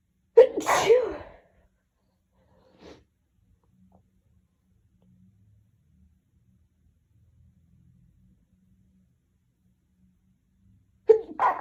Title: Hitchy Sneezes and Buildups